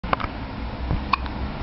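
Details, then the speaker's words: A 3.5-day-old newborn boy makes two brief, sharp hiccups about a second apart and seems unbothered; newborn hiccups. "has the hiccups I don't know if you just heard that one it's kind of loud outside 3 and 1/2 days old doesn't seem to be minded by them though too much I think he knows they'll go away"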